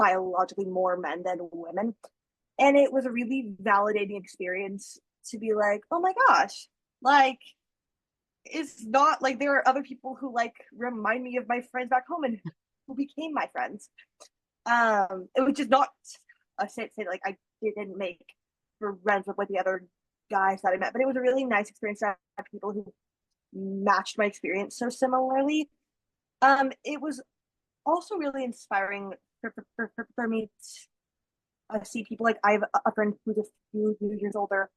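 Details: 25-year-old man who began stuttering at age 13, real person who stutters; stuttering.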